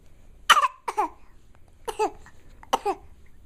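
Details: An infant gives four short, voiced cough-like bursts, a deliberate voluntary fake cough rather than an illness cough.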